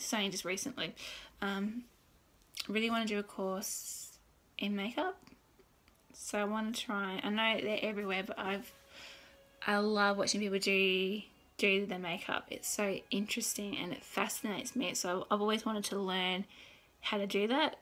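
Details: Adult woman who has stuttered since birth, noticed around age 2–3; worse when tired, excited or using a script, particularly bad on this day; self-recorded vlog; stuttering.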